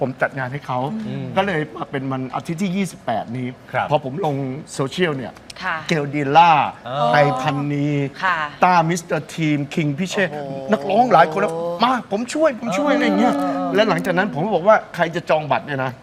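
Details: Adult man speaking Thai; normal speech.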